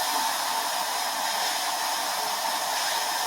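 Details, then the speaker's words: Dental air-water syringe rinsing and drying teeth during a tooth-colored composite filling on tooth number 10: steady loud hissing spray of air and water for about 5–10 seconds. "real nice like 5 10 second air and water spray get everything nice and dry from that portion coming from the lingle get a little bit of spray and air get all the other teeth nice and dry Nothing Left Behind"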